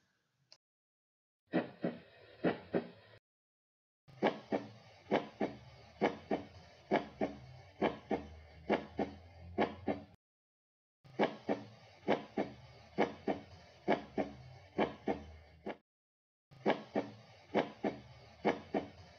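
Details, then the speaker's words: Nursing cardiac assessment, stethoscope over five cardiac landmarks: regular clear S1 and S2 about 58-60/min, apical pulse 58, no extra sounds, though a murmur is reported at the mitral site; normal heart sounds (S1 and S2). "s-one and s-two heard overall cardiac sites murmur heard at mitral site no other extra heart sounds heard apical pulse was 58 beats per minute"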